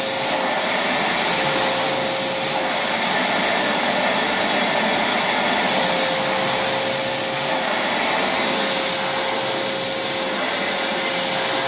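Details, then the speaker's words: Homemade prototype coronavirus ventilator, built from a wet-and-dry vacuum cleaner with a drill-driven cam changeover valve and not tested on anyone: steady motor roar with slow periodic swells as airflow switches between blowing and sucking. "now the changeover valve is powered by this electric drill with a cam operated rotating camera on top but it's not very good"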